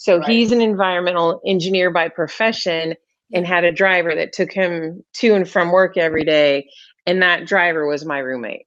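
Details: Adult woman speaking; Normal speech.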